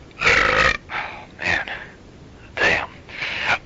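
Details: Several loud, drawn-out belches in a row, burped on the phone to a caller as part of a prank call, with faint background noise; burping.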